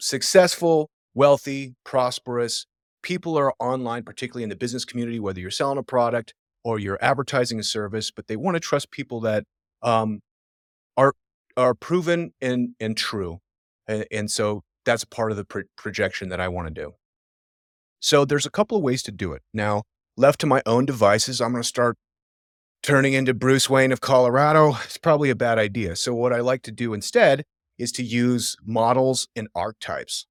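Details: Adult man who says he stammers and stutters; word and phrase repetitions and a self-correction; stuttering.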